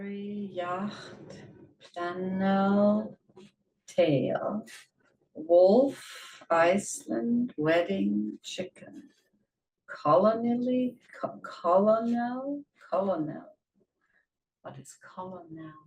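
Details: Patient with semantic variant primary progressive aphasia, a neurodegenerative syndrome, reading aloud words including low-frequency exception words and regularizing them via the spared sublexical route; surface dyslexia (regularization errors in reading).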